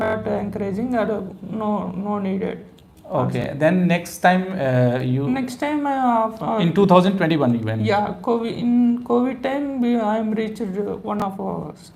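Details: 30-year-old male with high-pitched, female-sounding voice since puberty, before therapy; prior thread procedure and voice practice without stable change; surgery suggested in 2015; puberphonia.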